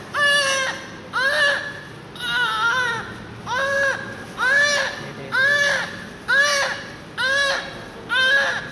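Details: Newborn crying during cleaning of eyes, ears and hair: about nine strong wails at a steady pace, each rising and falling in pitch, with a clear, vigorous voice.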